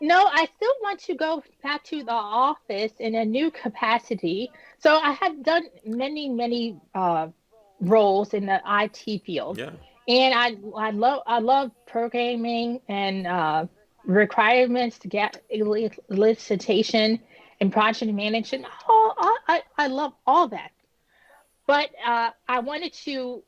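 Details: Woman who had an ischemic stroke at age 36 that damaged about a third of her brain, including the speech center. She was initially unable to speak. Almost 10 years later she has post-stroke aphasia and apraxia of speech, still improving, with repetitions and word-finding pauses.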